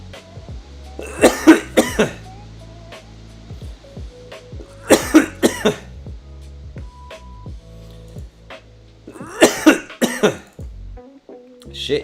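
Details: Cough.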